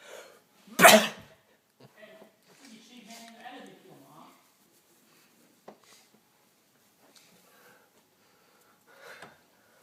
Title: Sneezing boy